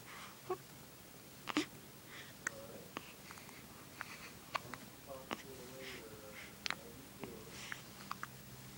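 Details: Infant with ordinary hiccups: repeated sharp, brief catches with soft babbling between them.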